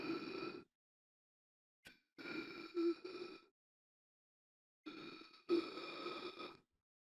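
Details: Simulated gasping for air, sound-effect recording: three spaced bursts of strained, throaty gasping breaths with silent pauses between.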